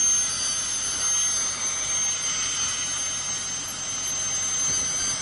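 Steady high-pitched whine with a hissing spray of water and air: an ultrasonic scaler running during a routine dental cleaning.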